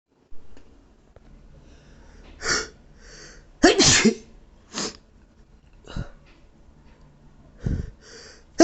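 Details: An adult with a very sensitive nose that day, possibly from allergy, has a sneezing fit: several sharp, noisy sneezes in quick succession with sniffs between them.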